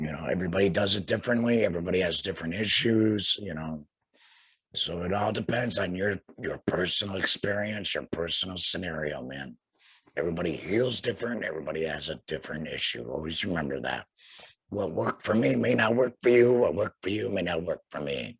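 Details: Tracheoesophageal speech in a young man about two years after laryngectomy for cancer, followed by radiation, speaking through a vibrating flanged voice prosthesis and breathing through a neck stoma.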